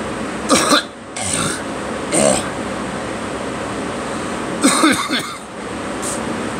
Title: Me coughing and girl